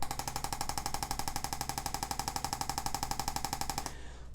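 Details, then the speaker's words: Percussive adjusting instrument with a round head on the subscapularis of a personal trainer with mid and upper back spasms into the shoulders: steady fast mechanical thumping, about four pulses a second, then stopping. "we're gonna change up the head for the our throw stem we're gonna use one of our round heads here and we're gonna dig right into that subscapularis muscle and get this loosened up"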